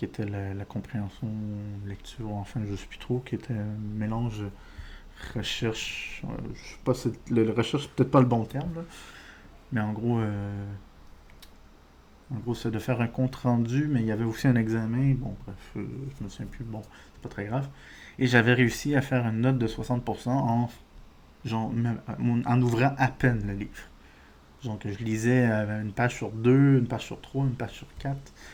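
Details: Adult man with diagnosed ADHD; speech disfluency (stuttering-like) he says resembles stuttering but is not stuttering, linking it to ADHD.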